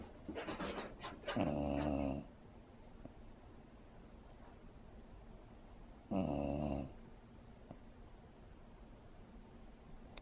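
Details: Snoring dachshund (teckel), just chilling.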